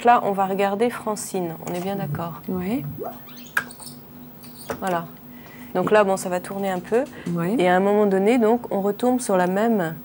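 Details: Adult clinician speaking French, with a brief reply from a second adult; normal fluent speech.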